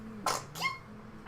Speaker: Bless you and your adorable sneezes. I hate my sneeze.